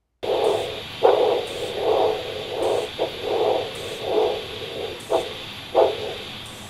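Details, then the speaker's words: Handheld Doppler over the artery in a patient with a ventricular assist device (LVAD) during cuff deflation: soft, rhythmic whooshing pulses about 80 a minute through a steady hiss. The first alternating whoosh on cuff release marks mean arterial pressure. "slowly release the pressure from the cuff when you hear your first alternating whooshing sound that will be recorded as your mean arterial"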